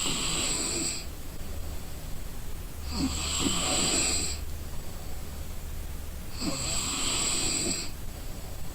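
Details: Person sleeping from exhaustion: three loud rough snores with a hissing edge on each in-breath, about 20 a minute, separated by quiet exhalations; ordinary sleep snoring.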